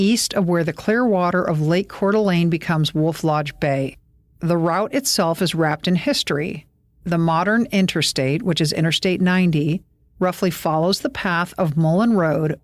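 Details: Adult woman narrating; ordinary speech.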